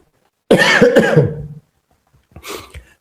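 An adult man clears his throat with a rough, voiced rasp, then gives a softer second clear.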